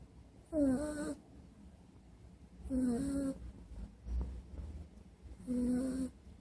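Regular squeaky, tonal snores with quiet pauses between, three breaths in about six seconds, roughly 30 per minute.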